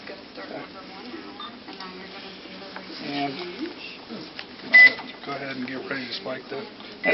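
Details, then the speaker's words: Infusion pump paused alert: a brief electronic beep over room noise and handling sounds, heard during a sterile IV medication setup for a 34-year-old female patient while a student shadows. "just beeping at me let me know it's still paused and again this is a sterile procedure"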